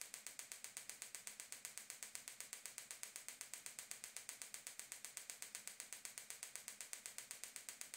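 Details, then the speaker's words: Gymna Shockmaster 300 extracorporeal shockwave therapy at 3 bar, 8 Hz, 2000 shocks, 15 mm focused head with ultrasound gel, on the heel for proximal plantar fasciitis: sharp, evenly spaced clicks at about eight per second. "keep keep applying the shocks to the same area until all 2,000 shocks have been"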